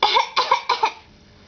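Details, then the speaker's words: A child performs a fake cough on request: three quick, deliberate coughs in a row. This is a voluntary cough. "fake cough number two show everyone your fake cough again you going to show them your fake cough stop getting camera shy"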